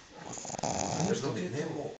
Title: Coco, 3 months old boston terrier snoring